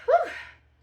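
A single brief, explosive voiced burst that quickly fades, consistent with one ordinary sneeze.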